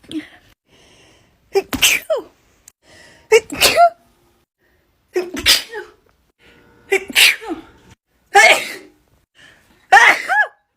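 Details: Young woman with bad allergies that day and swollen eyes: six high-pitched sneezes in a compilation, each with a quick intake before it and a short burst of repeated sneezing.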